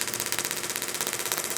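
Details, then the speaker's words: Rapid, regular sharp tapping pulses, frequency turned up slightly to 17 Hz from 14 Hz, from a pulse wave therapy handpiece over a patient's forearm in carpal tunnel treatment. "turn the frequency up that way we'll just turn it up only slightly for Aly here but you can hear the rate"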